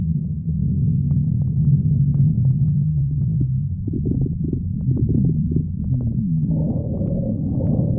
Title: stomach growling 12